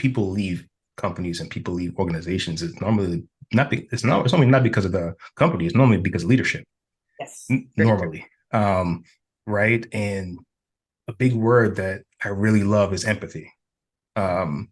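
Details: Adult man who reports having stuttered himself, speaking as a host; stuttering.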